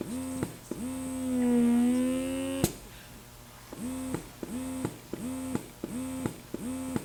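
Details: BabyBuddha portable electric breast pump in stimulation mode: quick motor hums with clicks, four gentler sucks and then a fifth, longer, stronger pull.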